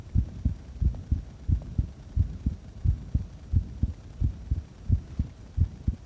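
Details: Heart sounds recorded during a breath-hold: steady low double thumps at roughly 85 to 90 beats a minute over a faint hum; normal heart sounds.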